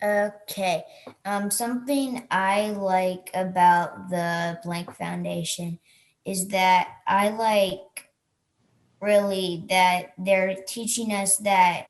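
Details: Stuttering in a young person who stutters.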